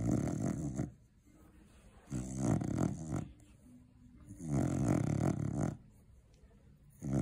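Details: Cocker Spaniel sleeping after a long day of eating Christmas turkey: loud, rough snoring in regular bursts, about three snores in seven seconds, with quiet gaps between; snoring.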